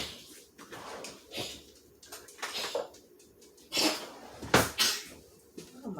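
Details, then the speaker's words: Small pet dog gives a few quick, sharp nasal sneezes amid kitchen clatter while food is being served in a small room; sneeze. "my little doggy sneezing. That's what that sound was that you heard there."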